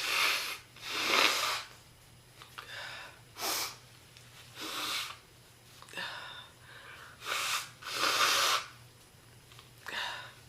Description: This heavy smoker got really sick and her cough became extremely bad. Non-stop intense, deep and painful coughing fits throughout the whole video